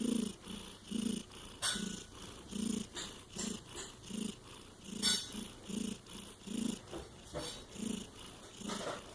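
Rapid, regular low rumbling bursts with a soft hissy edge, repeating with each breath: the snoring of a sleeping animal, possibly a cat.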